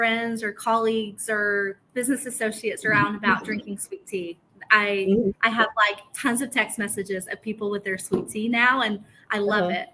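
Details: Adult woman speaking; normal voice.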